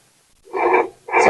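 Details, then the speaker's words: Fetal heartbeat on home Doppler (normal 110–160 bpm stated): brief silence, then loud swishing whooshing pulses as the moving baby is located. "gamitin if you're 16 weeks pregnant pataas and ang normal na heartbeat ng inyong mga babies is 110 to 160"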